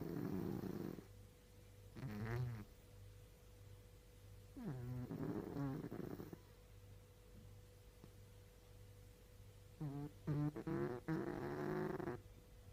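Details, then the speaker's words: Mucha snoring while asleep, asked "are you snoring?": repeated fluttering, snorting breaths over a steady low room hum; snoring. "Cosa stai facendo? Stai russando?"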